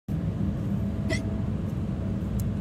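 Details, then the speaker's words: A person who rarely gets hiccups tries walking into a wall to surprise them away; a single sharp, brief voiced hiccup over steady low room or engine hum. "someone said that if you if you walk into something it will surprise you to get rid of them so let's try it"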